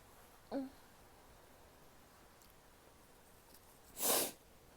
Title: sneezes, nose blow and show (f)